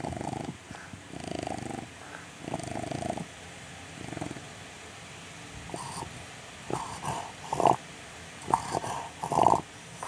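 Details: Sleeping Chow Chow dog: irregular noisy breathing with rattly snorting bursts; snoring.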